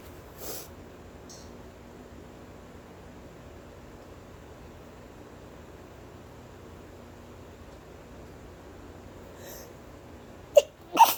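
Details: Mostly quiet room with faint sniffs, then a single sudden, sharp, muffled sneeze into a tissue.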